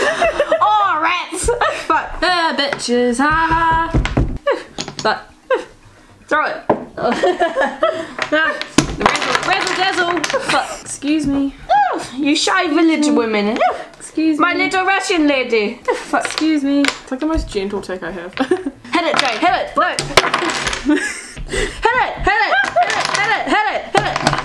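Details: Real Tourette syndrome with repeated vocal tics such as 'excuse me' and 'don't touch me', plus coprolalia; finding: Tourette syndrome vocal tics.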